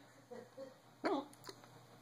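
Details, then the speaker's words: Hiccups, with speech possibly mentioning six hours: a single sharp, abrupt voiced hiccup with a quick gulping catch, after faint murmured sounds. "good mohammed old me the video my hiccups I'm not trying to make him good you just come up"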